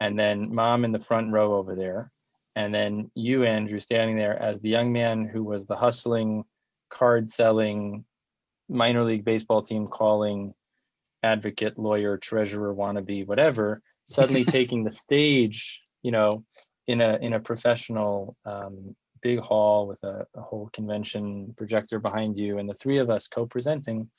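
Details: Adult man; typical speech.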